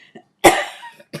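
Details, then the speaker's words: Adult's spontaneous cough during a live talk: a single sharp cough with a brief deeper trailing rumble that the cougher finds unusual, with faint breath sounds in a quiet room. "Do you hear that cough? I don't know what that deeper part happened. I'll cough, and then there's like that deeper piece of it."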